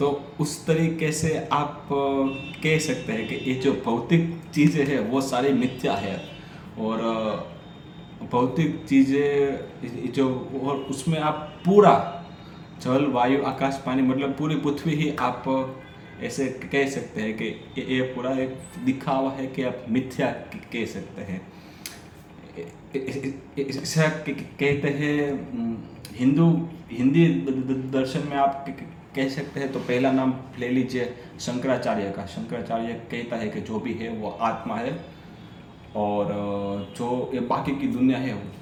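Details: Adult man who stammers reading a story aloud in Hindi on day 6 of a daily stammering practice routine, with repetitions and revisions audible; finding: stuttering.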